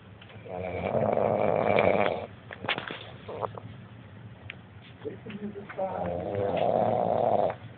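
Loud, rough, buzzing snores on two breaths with quieter snorting sounds between them; snoring.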